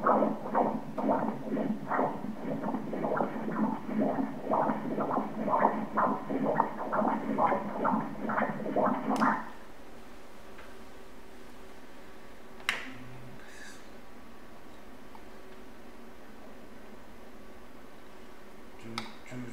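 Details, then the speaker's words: Fetal heartbeat on Doppler at 34 weeks of pregnancy, third-trimester obstetric ultrasound: rapid, regular whooshing beats at 130 per minute, normal. "Vamos ouvir o coração do bebê batendo. Repara o coração do bebê batendo."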